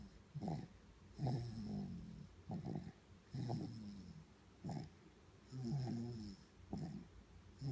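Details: Snoring from a sleeping female baby: rhythmic low, fluttering snores at about 27 breaths a minute.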